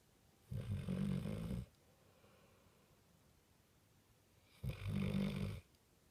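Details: American Staffordshire Terrier (pit bull) asleep with eyes open, exhausted, snoring: two low, rumbling snores about four seconds apart with quiet in between.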